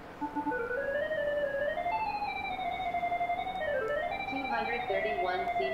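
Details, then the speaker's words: Audio feedback from a TruNode single-use sterile gamma probe held over a radioactive source: a steady electronic tone sliding up and down in pitch. "the plus and minus buttons allow us to change the volume and actually down here you can see where the volume control is being changed"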